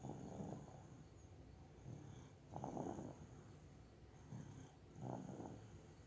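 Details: Ordinary snoring during sleep: soft, low rumbling snores about 25 a minute, with a faint steady high-pitched whine in the background.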